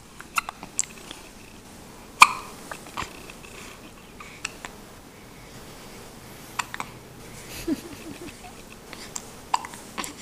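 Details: Infant girl, looking around in the morning, with small, sharp, repeated hiccup clicks at irregular intervals over faint room noise, alongside sneezes and burps; hiccups.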